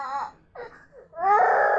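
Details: Baby crying after waking up, during a power cut while being urged to cry louder: short cries with gasping pauses building to a loud, sustained wail; vigorous infant crying.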